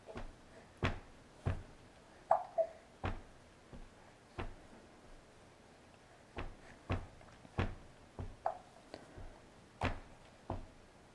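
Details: Short, sharp, regular catches about every half second to second, some with a brief voiced squeak, from a person at a table; repeated hiccups.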